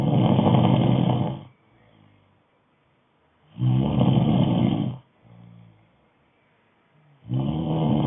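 Loud rattling snores on each breath in, with quiet breaths out between, repeating about every three and a half seconds; snoring.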